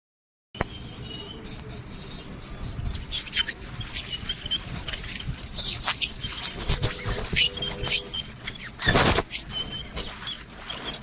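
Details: Ultrasonic scaler during dental scaling (oral prophylaxis): high, squealing hiss with water spray and suction noise, rising and falling as the tip moves over the teeth.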